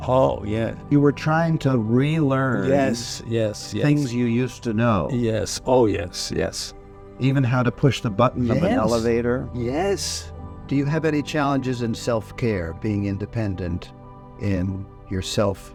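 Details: Adult interviewer speaking; no disorder.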